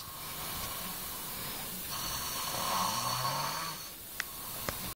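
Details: Snoring from an overweight boy, with Cantonese remarks that he is at it again: a rough, rumbling breath sound over steady room noise, with a couple of faint clicks.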